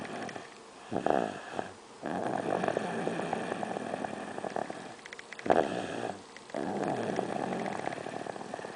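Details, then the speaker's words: Child snoring in sleep, filmed by his father after he denied snoring: rattling snores on each breath in, softer breath out, about every four to five seconds. "See, dude, you snore. You snore."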